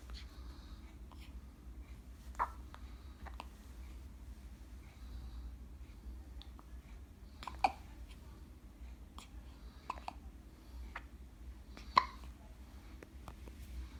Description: 10 day old twin baby boys have synchronised hiccups, sounds like tennis!